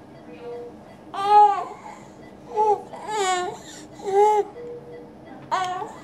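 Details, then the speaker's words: Croup in a young girl in a pediatric emergency department, already given racemic epinephrine and likely steroids: harsh, barking, seal-like coughs with faint high-pitched inspiratory stridor between them. "this kind of this uh seal like um Barky cofin and some Strider and uh mom's will let's do video to teach other people what it sounds like"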